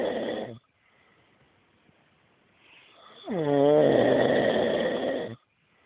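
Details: An adult man snoring loudly, as he does every night: a rough inspiratory snore with a fluttering, vibrating onset, following the tail of a previous snore and a quiet pause.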